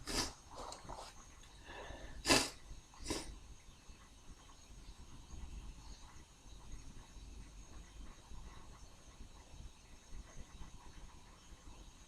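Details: Sneezing triggered by a tickle from drinking beer: a few quick, explosive sneezes close together, then quiet breathing and room noise.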